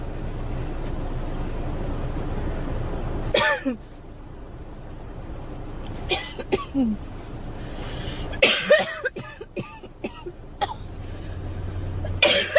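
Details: Girl coughing: several separate coughing bursts from a child, some single and some in short runs, over steady background hum.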